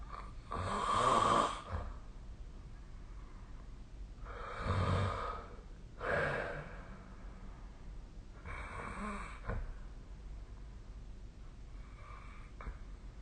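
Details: Snoring during sleep recorded with SnoreLab app: rough, rattling snores with breathing in uneven bursts every few seconds.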